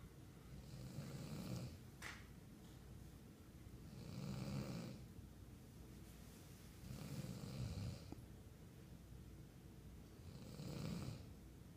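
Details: Sleeping dad snoring while his 3-year-old tells him to stop: steady, low, rumbling snores, about four in twelve seconds, in a quiet room.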